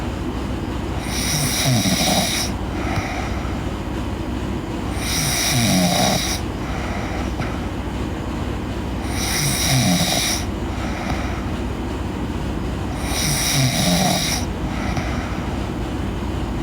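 Loud, rattling snores about every four seconds, roughly 15 breaths a minute, over steady background hum.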